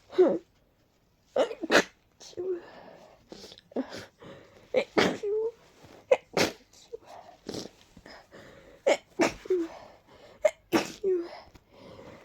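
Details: A sneezing fit from a mix of allergies and a cold, with deep tickles and a stuck sneeze; a rapid run of about a dozen sneezes with quick in-breaths between them.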